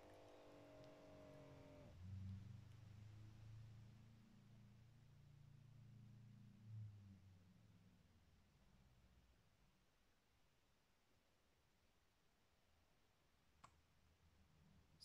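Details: Automatic blood pressure monitor measuring: a short start beep, then a low steady pump motor hum inflating the cuff, fading as it slowly deflates; reading about 112/67, pulse about 77, normal.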